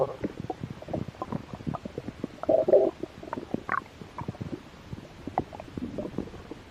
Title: Stomach growl. I was a little hungry.